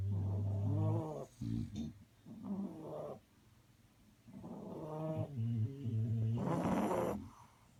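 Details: Several sleeping bullies giving low, rumbling, throaty snores overlapping in uneven cycles; snoring.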